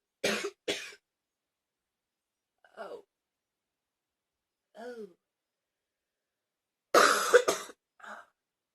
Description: Ten minutes of coughing.